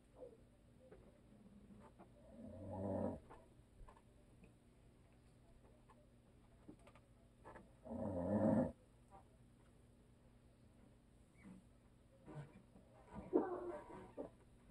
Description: My hubby snores and always will.